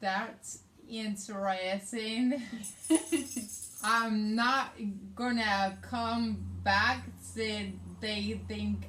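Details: Adult woman with aphasia, also affecting reading and writing, and right-side hemiparesis after a hemorrhagic stroke on May 19, 2020 requiring brain surgery; aphasia.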